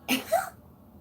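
A single brief, explosive sneeze from an adult, a sharp hissing burst with a short voiced tail.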